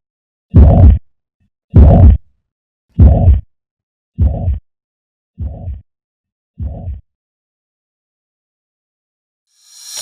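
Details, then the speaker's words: Carvalho sign: low whooshing xiphoid systolic murmur of tricuspid regurgitation, about 50 a minute, clearly louder after deep inspiration for three beats then softer on expiration. "Ce signe correspond à l'augmentation nette après inspiration profonde et à la diminution après expiration du souffle systolique xiphoïdien de l'insuffisance tricuspidienne."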